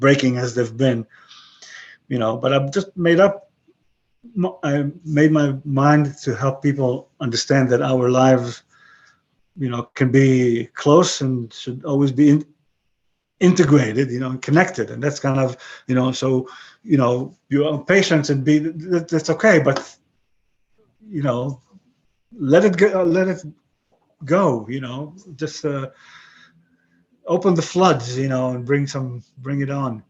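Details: 62-year-old man with aphasia following a stroke about 11 years earlier; he retains broken English and Hebrew but lost his other languages; aphasia.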